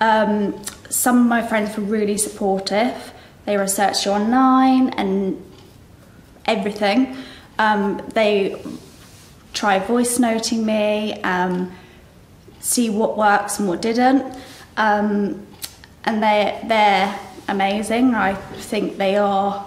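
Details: Aphasia in a young female stroke survivor, about a year after onset; aphasia is a language impairment from brain injury.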